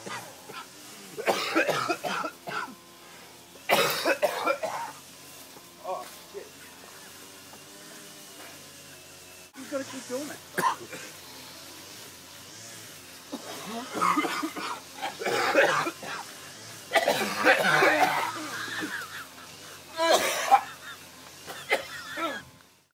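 Acted bouts of harsh, repeated coughing and throat clearing imitating a smoker's cough, with music in the background.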